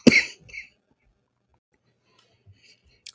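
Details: A single sharp cough with a brief, softer follow-on sound, then near silence, during a live stream: an isolated dry cough.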